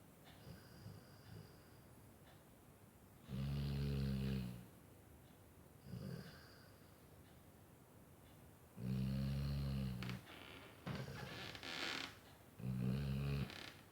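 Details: Deep, rattling sleep snoring from a dog, coming in bursts at uneven intervals, about five in fourteen seconds, with quieter breaths between: snoring.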